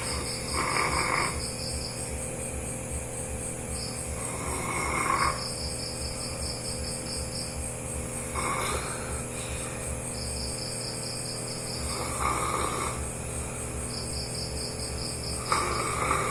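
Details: Sleeping dog snoring loudly: rough, rattling snoring bursts about every 3–4 seconds, over steady background hum and TV sound.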